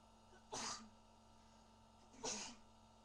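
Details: Panda sneezing: two short, sharp, hissing sneezes about a second and a half apart against a quiet background hum.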